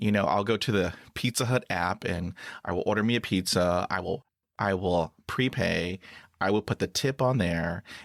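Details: Stuttering in a 49-year-old adult male with blocks and particular difficulty on words starting with p, real speech.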